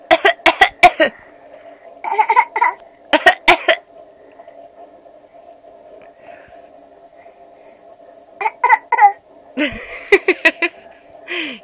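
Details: Young child with a horrible cough: repeated harsh bursts of several short coughs each, over a steady background hum.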